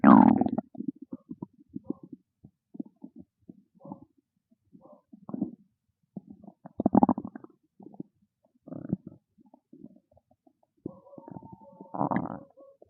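Irregular gurgling, bubbling and low growling bowel sounds in bursts; loud stomach growling of hunger, a normal finding.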